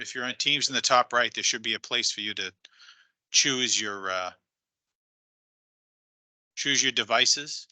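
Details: Adult speaker; normal voice.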